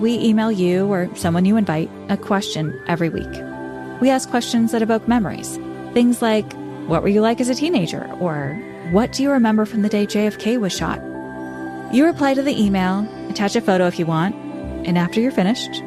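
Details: Adult speaker; normal speech.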